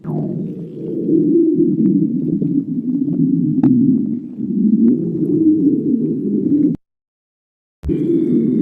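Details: Stomach growling (borborygmi): continuous low, bubbling gurgles and rumbles with a brief abrupt silence before resuming.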